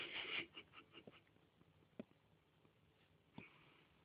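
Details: A pet cat coughing: a strong harsh hacking burst, then several quick weaker hacks fading into a quiet room; the owner jokes she sounds like a smoker.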